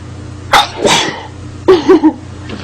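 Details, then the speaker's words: Sneezing in a girl: two sneeze episodes, each with sharp bursts and trailing breathy sounds, over a faint steady hum. "she did okay and above sneezed because bubble dust caught my nose bubble dust okay"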